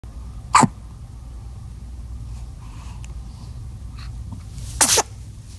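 Two short, sharp sneezes a few seconds apart against quiet room noise; ordinary sneezing.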